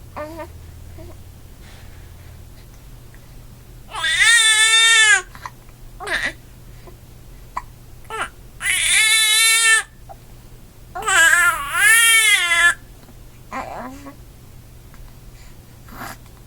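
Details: Infant with hiccups: three loud, high-pitched wailing cry bursts separated by quieter whimpers and catches of breath, in a quiet room; infant crying.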